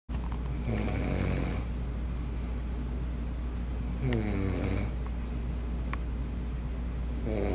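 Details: Snoring: rough, low vibrating snores recurring about every three seconds, roughly 18 a minute, over a steady low hum.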